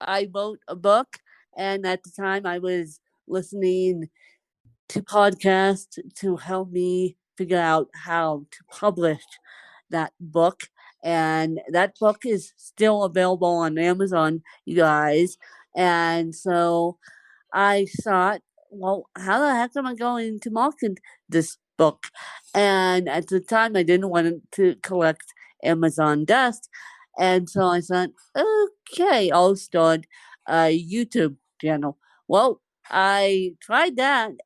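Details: Adult woman who has lived over 30 years with cerebral palsy, speaking in an interview; dysarthria (cerebral palsy).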